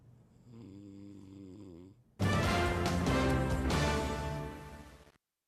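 A soft low snore, then a much louder harsh, rattling snore lasting about three seconds.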